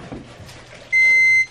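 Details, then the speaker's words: Steady high-pitched electronic beep of about half a second over quiet room noise: the low battery alarm of a home feeding-tube pump, set up by a 5-year-old. The pump's user does vest therapy, and the pump needs plugging in. "oh low battery I guess I'm going to be plugging in my pump now"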